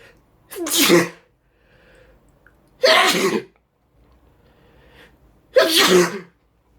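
Three forceful sneezes, each a sharp noisy burst with a short voiced tail, separated by quiet pauses with faint breathing.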